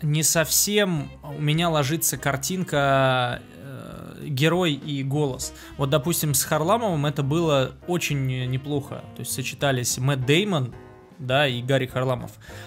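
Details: Adult male speaker; ordinary speech.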